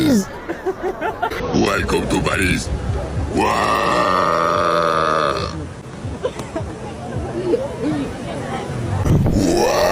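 Loud voiced noises with a long, sustained, droning belch in the middle; deliberate burping.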